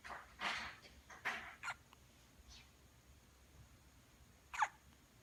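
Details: Infant hiccups around sleep and waking: several short, sharp catches of breath, irregularly spaced, in a quiet room.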